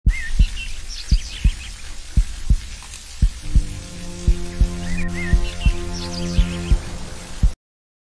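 Steady low heartbeat thumps, about 57 a minute, under soft music with birdsong and a creek.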